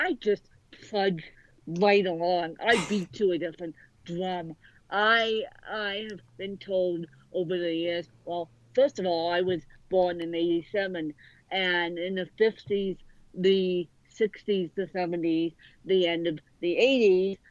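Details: Adult woman born with cerebral palsy affecting both sides of her body; speech largely unintelligible to automatic transcription; dysarthria (cerebral palsy).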